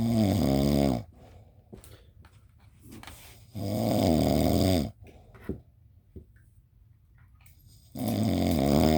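Loud, rattling snores on each in-breath with quiet gaps between, about 15 breaths a minute; ordinary snoring.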